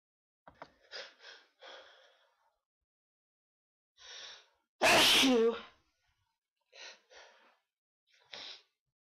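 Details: One loud, sharp sneeze after a quick gasp, with soft breathy sounds and sniffs before and after.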